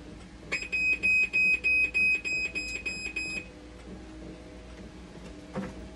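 A high, rapidly repeating electronic beep alarm lasting about three seconds, from a dialysis machine reporting a fault.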